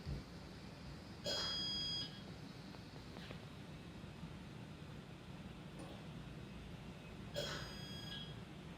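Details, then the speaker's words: Anesthetic ventilator alarming during an equipment mishap: two loud, high, buzzing alarm tones about six seconds apart over steady room noise. "the ventilator is alarming right now if you cannot hear that"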